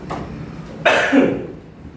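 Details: Person who says they have a lung allergy, checked during a traditional healing session; a soft throat noise then one harsh, loud cough in a quiet room.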